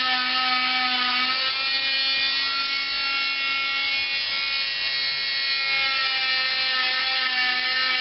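Steady high-pitched whine of a vibrating cast saw cutting through a long arm cast, with slight pitch shifts as the blade moves along.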